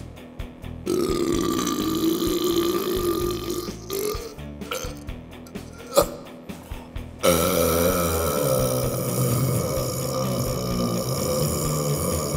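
Long, loud, deep voiced belches with music playing in the background; deliberate burping.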